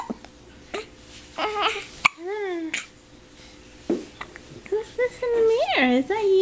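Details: Brief abrupt catches in the breath recurring amid an infant's soft coos and fussing after feeding; hiccups.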